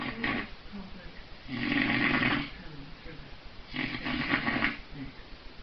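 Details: Extremely loud snoring, stated as 135 decibels: two long, loud rattling snores on inhaled breaths about two seconds apart, with quiet exhales between; heavy snoring.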